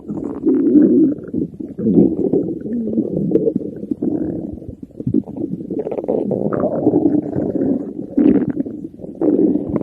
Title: stomach growling 💕